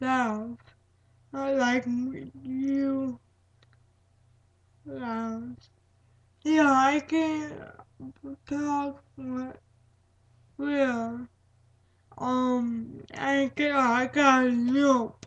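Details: Speaker with cerebral palsy; broken, hard-to-recognize words and repetitions; dysarthria in cerebral palsy.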